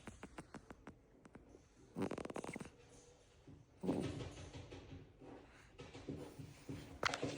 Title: Crickets little hums and snores. Goodnight friends💜